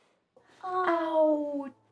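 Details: Young boy with childhood apraxia of speech, no words by age two, attempting 'out' in home therapy with simultaneous production, lip-rounding cues and slowed rate; struggles sequencing sounds smoothly; childhood apraxia of speech.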